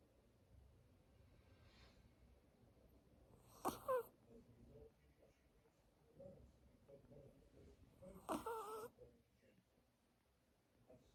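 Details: A pet dog snoring.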